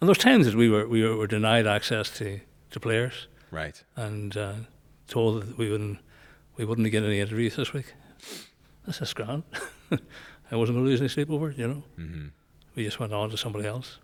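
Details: Male nearly 65 with Parkinson's disease who noticed a voice change before diagnosis and has word-finding difficulty; hypokinetic dysarthria (Parkinson's disease speech).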